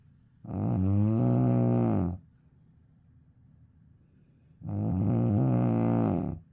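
Two loud, deep, droning snores on the in-breath, about four seconds apart, with a quiet pause between.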